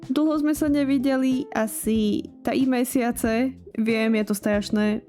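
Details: 22-year-old woman with lifelong rhotacism; she never learned to pronounce R correctly, expects it to be permanent, and has received mean comments about it; rhotacism.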